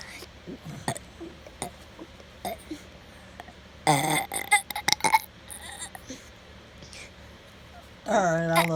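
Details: Five-year-old boy deliberately making himself burp: quiet room noise with soft clicks, then a run of loud throaty burps ending in a long, drawn-out burp.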